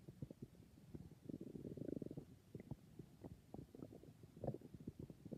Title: I think my stomach is being very noises